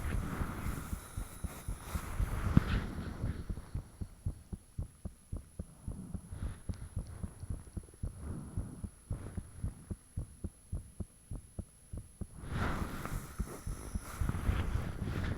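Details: Own heartbeat recorded with the fan off, shortly after it became unusually thumpy: loud, rapid, forceful pounding, clearest in the middle, with low rushing of blood and sharper valve-like clicks; heart sounds.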